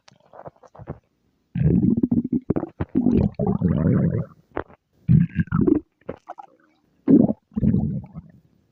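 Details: Stomach growling: loud, low gurgling and rumbling bursts from the belly that come and go.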